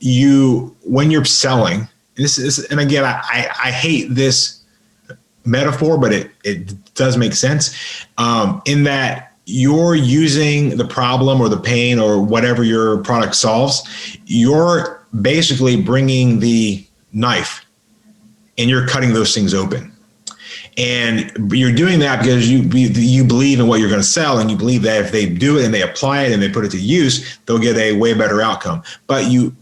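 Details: Adult man with a lifelong severe stutter, improved through extensive practice and an intensive stuttering school and still stuttering somewhat, in podcast conversation. This stretch has repeated words and part-words: stuttering.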